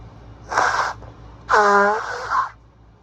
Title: STRONG and rapid sick sneezes